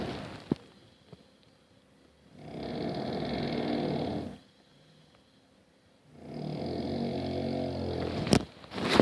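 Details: Adult man snoring heavily at bedtime: loud, rumbling snores on each in-breath, about two seconds long, with quiet gaps, roughly 16 breaths a minute.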